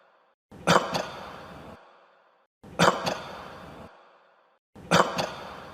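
Three single coughs at steady intervals, each a sharp burst trailing into a breathy tail.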